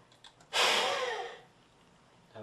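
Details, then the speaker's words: Peak flow measurement with a Spirometric peak flow meter: short breath in, then one hard, fast forced blast fading over about a second; reading 550 L/min, good effort, second of three attempts; peak expiratory flow manoeuvre. "take a deep breath in open your mouth hold that breath and put this in your mouth and blow into"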